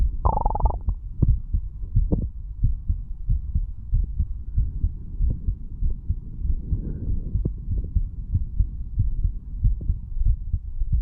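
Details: 35-year-old male, standing, self-recorded through a stethoscope over the mitral, tricuspid, pulmonary and aortic areas and the right ventricle area. Regular low lub-dub heartbeat of about 90 per minute, brief handling noise at the start. Normal heart sounds.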